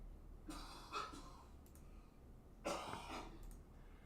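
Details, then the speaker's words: Adult man coughing in a quiet room, heard somewhat distantly: two harsh, heavy cough bursts, described as coughing up a lung. "I don't know if you can hear that, but my husband's coughing up a lung."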